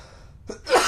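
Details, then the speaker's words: Adult podcaster, sick for a week with fever and aches and now about 60% recovered, has a persistent dry cough: a single abrupt, harsh burst after a brief intake of breath, with no rattle. "feel a decent amount better but I'm probably still at like 60% or so yeah and the one persistent thing has just been this dry cough"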